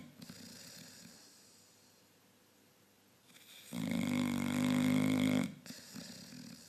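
A quiet breath is followed by a long, loud, vibrating snore on the in-breath. Dog snoring.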